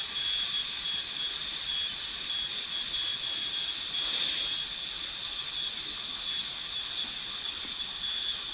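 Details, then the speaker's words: Air-driven high-speed dental handpiece with a 1557 bur roughing out occlusal reduction for a gold onlay on typodont tooth #18, run dry without water. Steady high-pitched whine with brief pitch dips as the bur cuts. "all of this with the 1557 is is again we're just kind of roughing it out it's a nice burr to use at this stage because it cuts very cool"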